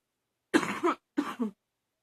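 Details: Two harsh, hoarse coughs with a barking quality, on waking in the morning; attributed to allergies, with wheezing also mentioned.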